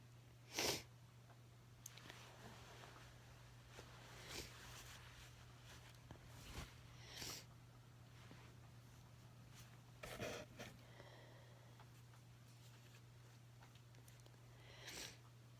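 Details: Several short, sharp sneezes with sniffs between them over a steady low hum in a small room, followed by nose blowing.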